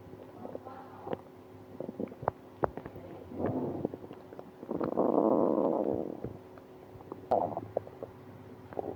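Frequent gurgles, clicks and a long loud rumble from the belly: active stomach rumbling.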